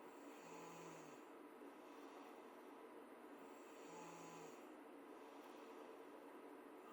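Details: Girl asleep at 12:30 am, snoring in the background; snoring.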